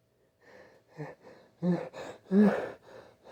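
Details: Male with a persistent nose tickle, using a tissue to coax out three big sneezes; quick gasping in-breaths build to loud, explosive bursts muffled into the tissue.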